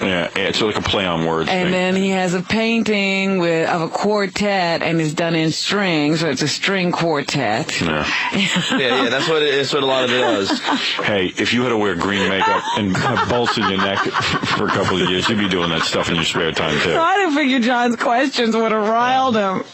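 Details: Adult men talking on radio; typical speech.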